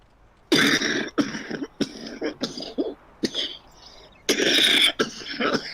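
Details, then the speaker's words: A run of about seven short, harsh coughs and throat clears in a quiet room; the person coughing dislikes the sound and wonders whether a chest infection is starting. "Don't like the sound of that cough. Begin to wonder if I'm getting a chest infection."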